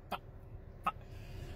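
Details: Adult with Tourette syndrome; throat-clearing-like vocal noise between phrases; finding: vocal tic.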